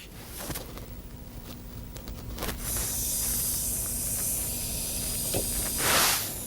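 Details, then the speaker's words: Dental occlusal registration on a patient: handling clicks, then a steady several-second hiss of spray ending in a louder burst, cooling warmed impression compound holding the lower cusp-tip impression on the registration plate. "I hold it firmly and then I cool it off with a spray."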